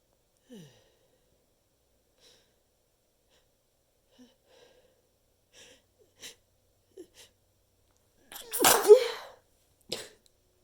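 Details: Quiet sniffs and breaths, then one stifled, muffled sneeze into a handful of tissues and a smaller follow-up burst, from a stuffed-up person; stifled sneezing.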